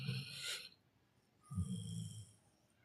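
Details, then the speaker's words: A sleeping golden retriever, lying with the family, makes two soft, low, rattling breaths with a quiet gap between them; snoring. "पूवा दादा जैसा खराटा है इसका।"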